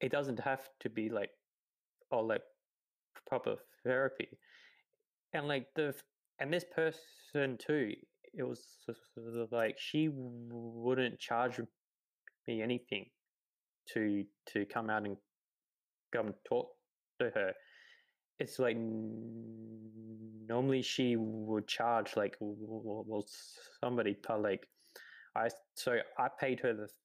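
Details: 28-year-old man who has stuttered his whole life, since about age three, real speech with repetitions and fillers; stuttering.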